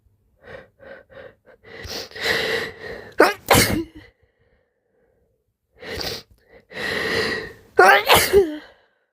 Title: Loud, slimy sneezes and soft moans ♡ #sneeze #sneezing